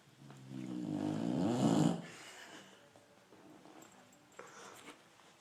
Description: My dog snoring like drunk guy !!!